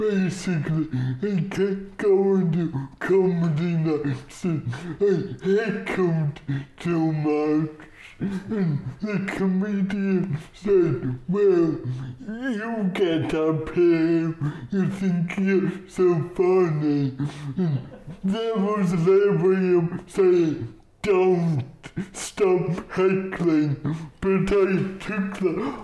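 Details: Dysarthria in an adult male comedian with cerebral palsy.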